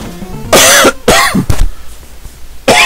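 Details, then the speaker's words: Repeated coughing from an adult man playing a video game, who says he is still not fully recovered from being unwell last week. "man alive I'm sorry about all this coughing folks not sure if you can hear it on my voice but I'm still kind of not 100 like I was last week"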